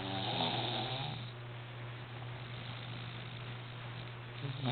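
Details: He snores loudly: a low, rattling snore with a steady buzzing tone that fades and then returns at the end.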